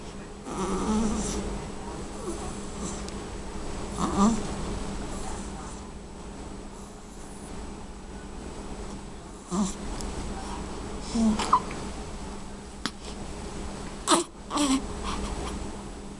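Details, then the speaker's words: A sleeping girl makes continuous low, buzzing, nasal breathing noises with snorts and sniffs; noisy nasal breathing, snoring. "Somebody's a noisy breather. Are you a little nasally girl, huh?"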